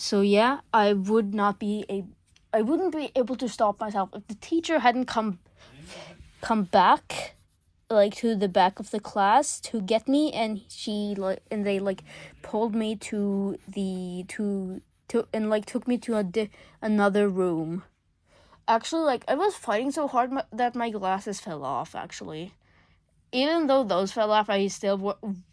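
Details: School-age speaker under legal guardianship who self-reports stuttering a lot: real stuttering.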